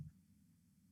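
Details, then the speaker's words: A single low thud, loud first sound, clean systole, then a continuous low-pitched diastolic rumble, a very evident murmur: mitral stenosis. "y en este caso es ese soplo sí que es muy evidente"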